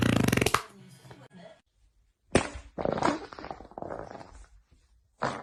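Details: Girl's stomach growling with farting: loud rumbling and gurgling bursts separated by quiet gaps.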